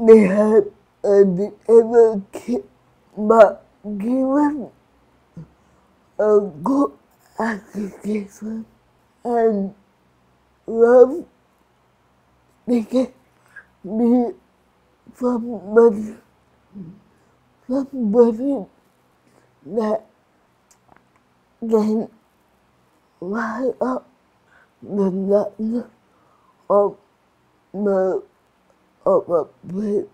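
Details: Adult woman in Singapore with cerebral palsy, with slurred speech and restricted movements; dysarthria due to cerebral palsy.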